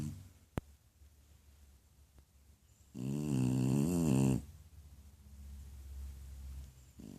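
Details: Snoring from Spot, an elderly sleeping dog said to be 78 in human years: one loud, buzzing, vibrating snore lasting over a second, then quiet breathing.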